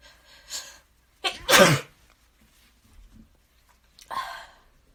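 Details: Person with heavy congestion caught in a mini-fit at a desk: quiet breathy noises, then one loud explosive sneeze with a sharp intake before it, followed by a softer blowing burst of nose-blowing.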